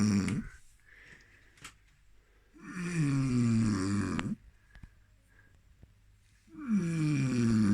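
Loud, rough snores on each breath in, about 16 a minute, with quiet pauses between; snoring.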